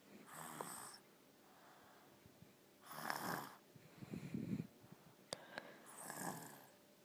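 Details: Soft rasping snores with each breath in, about three in seven seconds, plus a quiet snort; ordinary snoring.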